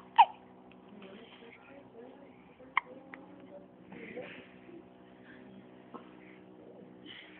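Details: Newborn about 7 hours old with hiccups: a few sharp, abrupt hiccups spaced several seconds apart over soft voice sounds in a quiet room.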